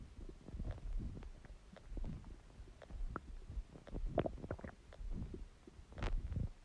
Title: Stomach Growling Sound | My Stomach Makes Noises